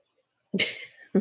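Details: Sneezing from pet cats that all have a cold and are on medicine; the owner suspects the infection came from a feral cat colony.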